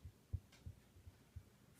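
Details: Normal heart sounds heard in an adult patient during a student health assessment.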